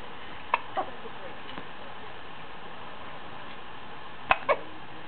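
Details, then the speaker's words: Short, sharp catches of breath in pairs a few seconds apart from a baby in a quiet room: hiccups. "You got those horrible hiccups. You got those horrible hiccups."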